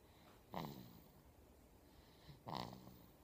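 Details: Sleeping baby snoring: two soft snoring breaths with a low fluttering rasp, about three seconds apart, in a quiet room.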